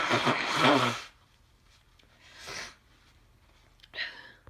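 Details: One forceful wet sneeze then two softer sneezy exhalations from an adult with a head cold, some sneezes induced and some not; sneezing with a cold.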